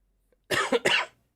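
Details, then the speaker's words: Adult's dry cough during a live podcast: a quick run of about three sharp, dry cough bursts with no rattle or wet sound. "we go again with that stupid dry cough"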